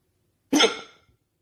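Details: Person with hiccups: a single abrupt, short gulping hiccup sound that fades quickly.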